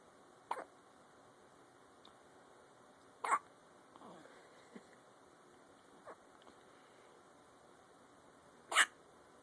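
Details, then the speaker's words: Dog with hiccups: a few short, sharp hiccup sounds spaced several seconds apart in a quiet room. "got the hiccups, little man?"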